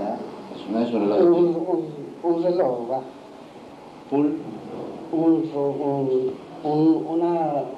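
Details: Patient with conduction aphasia naming a wristwatch, with naming difficulty, a paraphasia and impaired repetition; he says he knows the word but it will not come out; conduction aphasia.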